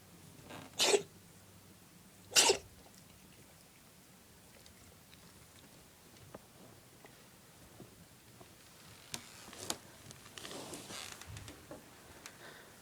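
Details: Cat with feline asthma at the tail end of an asthma attack: two short, harsh, dry coughs, then quiet.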